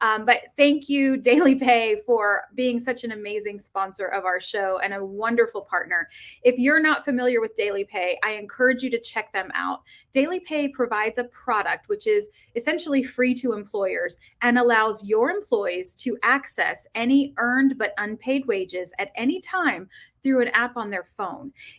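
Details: Adult woman speaking; Normal speech.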